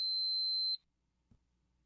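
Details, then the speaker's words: Enteral feeding pump (EnteraLite Infinity) power-off tone after pausing a feeding: a single steady high-pitched beep lasting under a second, then quiet. "the rate will appear on the display and the pump will be in pause mode you may press the on off key to turn the pump off"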